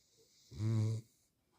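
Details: A dog, tagged both beagle and labrador, snoring: a single low, buzzing snore about half a second long in a quiet room.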